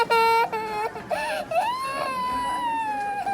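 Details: Baby's sharp, high-pitched pain cry in short bursts, then a long drawn-out wail, during ear piercing for earrings.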